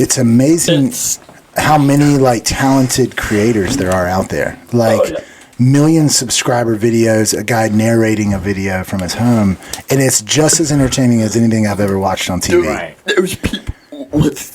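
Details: Adult male speaker; typical speech.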